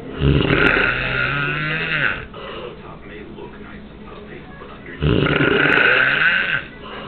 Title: Snoring Away